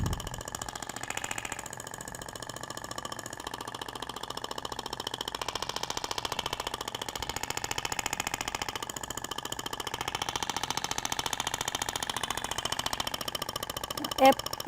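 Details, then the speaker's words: Rapid, steady mechanical clatter from a Thork shockwave applicator held at 90 degrees and moved zigzag over the abdomen, started by button, avoiding the ribs and scar; the tissue visibly vibrates. "90 graus inicio e os disparos eles ocorrem distribuindo de forma lenta"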